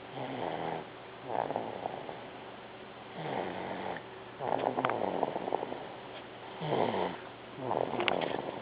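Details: Sleeping baby daughter snoring softly in a steady rhythm, with a rough fluttering sound on each breath; snoring.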